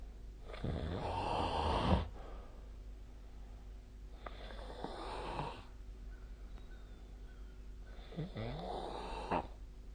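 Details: Loud, coarse rattling snores on each in-breath, about three in ten seconds, separated by quieter out-breaths during sleep; typical heavy snoring.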